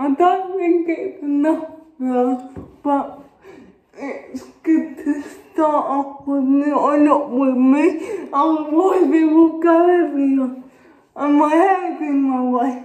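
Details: Adult woman with cerebral palsy speaking. Finding: dysarthric speech in cerebral palsy.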